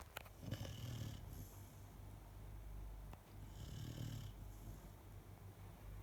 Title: is snoring